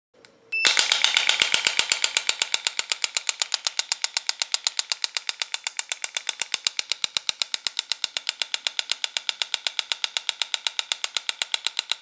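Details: Home extracorporeal shockwave machine demonstrated for stiff, achy knee or shoulder joints, set to intensity 90, 8 Hz, 1,600 shocks: rapid, very regular sharp clicks, about four per second, as the applicator fires pressure pulses.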